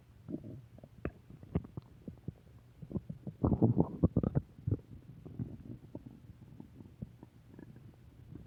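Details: Recurring stomach growling: continuous irregular gurgling and bubbling with a louder rumbling stretch midway; borborygmi.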